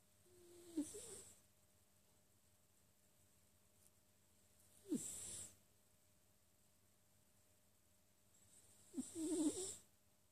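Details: Sphynx cat snoring while asleep: three soft, rattly snoring breaths about four seconds apart in a quiet room.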